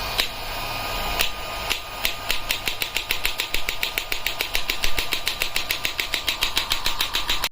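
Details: Sharp repeated clicking shots speeding up to about three per second over low room hum, from an electromagnetic extracorporeal shockwave (ESWT) therapy device with handle start switch: radial shockwave therapy device firing.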